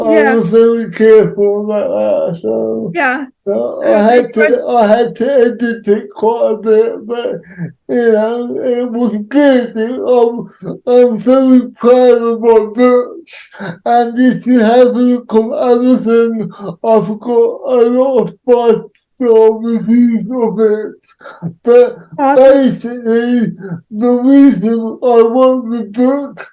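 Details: Adult male with cerebral palsy, real, whose speech is largely unintelligible to automatic transcription; he reports he cannot say some words. Dysarthria (cerebral palsy).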